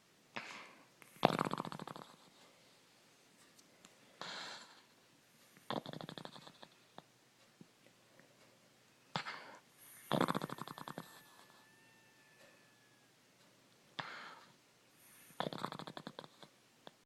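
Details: Rhythmic snoring: a short rattling inward snore, then a longer breathy outward puff, repeating about every five seconds, roughly twelve breaths per minute.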